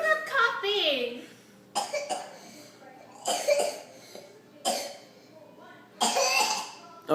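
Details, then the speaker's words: Young child, said not to be sick, deliberately faking a cough: about four short, forced coughs after a brief vocal sound. A voluntary (fake) cough. "you're doing that on purpose"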